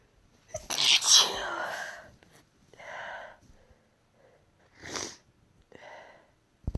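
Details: Sneezing during a head cold of a few days, some sneezes self-induced: one stronger sneeze followed by three soft, weak sneezes.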